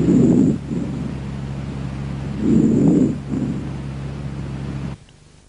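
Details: Soft, low rustling breaths through a stethoscope during a respiratory exam: normal vesicular breath sounds over healthy lung.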